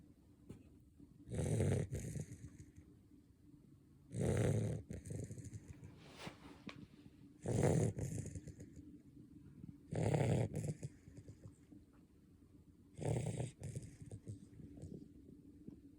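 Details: A Basset Hound puppy sleeping, with loud, low rumbling snores every few seconds, about five in sixteen seconds, and quiet breathing between them: ordinary snoring, though not especially loud.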